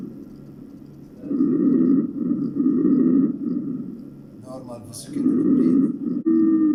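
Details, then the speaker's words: Normal vesicular breathing from a heart and lung sounds training manikin in a skills lab: soft, low rustling breath sounds rising and falling in repeated cycles. "الآن سنسمع إلى normal vesicular breathing or normal"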